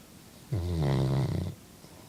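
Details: Chocolate Labrador snoring: one loud, deep, rumbling snore lasting about a second, with low room noise; snoring.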